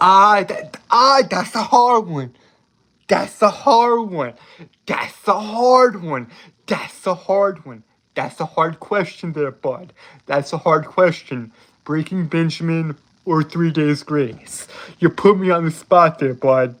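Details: Adult male with self-reported speech impediment that makes him stutter and trip over his words, stuttering throughout; stuttering.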